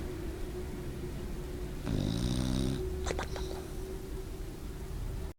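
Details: Low buzzing snore from a bulldog napping on a couch, with a few soft clicks afterward over a steady low hum; snoring.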